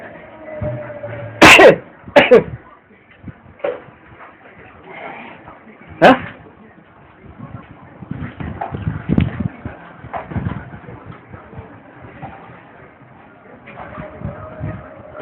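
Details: Boy straining hard to sneeze: a few sharp cough and throat-clearing bursts, irregularly spaced, with faint room noise and possible music behind.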